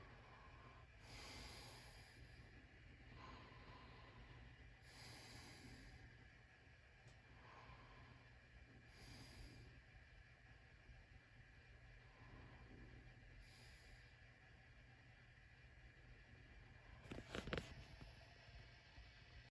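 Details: A husband snoring at night: soft, regular snoring breaths about every four seconds over a steady low hum, about 15 a minute, ending with a brief louder snort.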